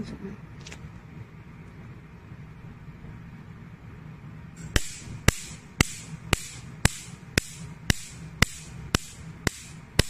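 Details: Sharp snapping clicks about twice a second from a picosecond laser firing on skin during a machine operation demonstration for pigmentation and tattoo removal, acne scar setting, quiet room hum.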